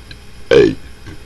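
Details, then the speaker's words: Deliberate burping while trying to burp the alphabet: a single short, loud, voiced belch over faint room noise. "but um i'm just gonna burp my abc's just for a hell of a bit"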